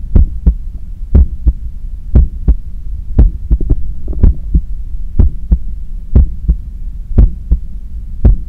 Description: As I am cooling down from a 10km run, this is my heart pumping, with clear sounds of blood passing through the cardiac chambers and arteries, visibly strong in my neck.